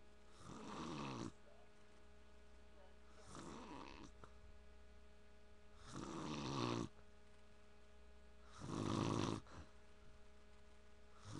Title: dad snoring